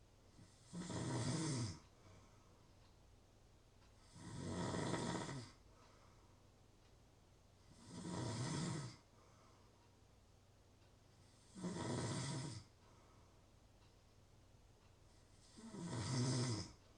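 Steady rhythmic snoring, about 16 rough low snores a minute with quiet pauses between them.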